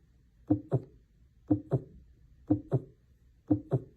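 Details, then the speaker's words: Normal baseline heart sounds for comparison with abnormal ones: regular paired lub-dub at about 60 beats a minute, normal rhythm with no extra sounds. "Let's go over some abnormal heart sounds together. First things first, we need something to compare it to."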